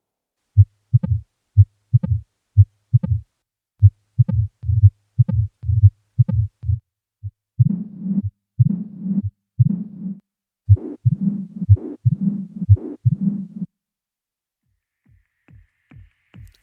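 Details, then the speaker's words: Mitral stenosis: low-pitched heart sounds at about 60 a minute with a low-frequency rumbling mid-diastolic murmur at the apex, heard with the stethoscope with the patient on the left side. "шум митральном стенозе настолько низкочастотный что выслушивается только стетоскопом и при положении обследуемого на левом боку"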